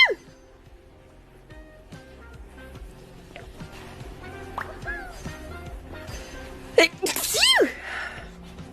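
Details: A sharp sneeze from a cat near the end, heard over background music and a person talking; sneezing.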